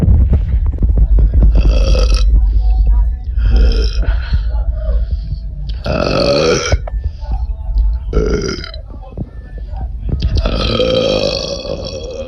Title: My burps (stomachache)